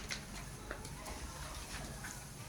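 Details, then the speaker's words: Chest percussion over a small child's lungs: several soft, hollow taps giving a clear, normal resonant note heard across all intercostal spaces. "Nah, tuh resonans tuh nyaring ya. Tuh ini kedengaran banget karena badannya kecil ya."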